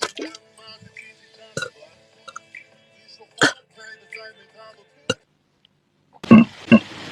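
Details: Compilation of burps from a female singer's livestreams: soft background music with several short throaty bursts, then two louder croaking burps near the end.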